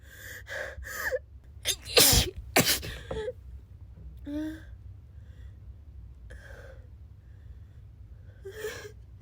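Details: Sick person sneezing: sharp, gasping intakes of breath followed by sudden sneeze-like bursts, then quieter breathy sounds; gasping around sneezes.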